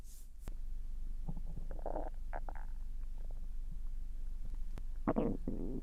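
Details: Stomach growling (borborygmi) in a resting, relaxing dog: low gurgles and squeaky rumbling bursts over a steady background hum, frequent, a normal sound.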